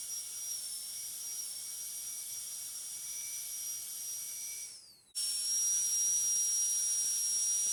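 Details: Steady high-pitched dental drill whine with a brief pitch drop and pause, smoothing the finished preparation with a flat tapering polishing burr (TF12EF, yellow band) for a full veneer metal ceramic crown on tooth 46.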